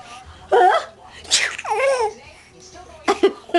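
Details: Grandmother's sneezes: a few sharp adult sneeze bursts mixed with a young child's laughter; sneezing.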